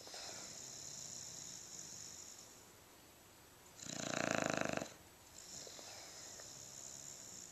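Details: Steady, noisy breathing in sleep with one louder, rattling snore in the middle; snoring.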